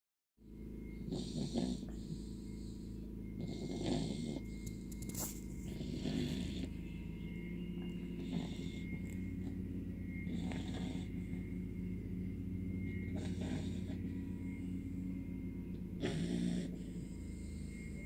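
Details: 17-week-old American Bully puppy snoring while comfy: loud rumbling snores with snorty bursts, about six breaths in eighteen seconds, over a steady hum.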